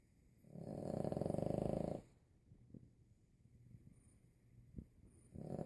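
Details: 25-pound Boston terrier snoring: loud, fluttering, rattly snore about a second and a half long, then a quiet exhale pause before the next; owner says it is louder than a grown man's.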